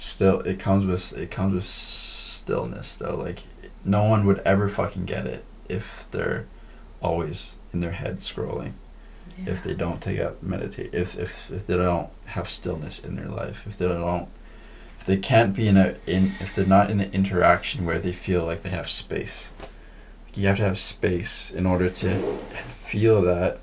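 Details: Adult male podcast host who stutters; stuttering.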